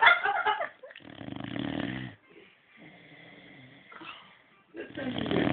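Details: Boxer dog snoring: rough, rattling breathing sounds in uneven bursts with a quieter stretch between them.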